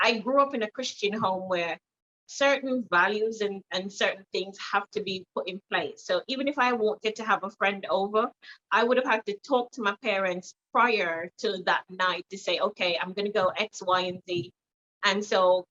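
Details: Jamaican woman who woke from a car accident with a new accent, first American, then Trinidadian, now British; neurologist attributes it to head trauma causing stroke and swelling between motor and language areas; foreign accent syndrome.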